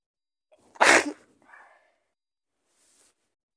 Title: Sick Powerful Sneezes🤧 right next to you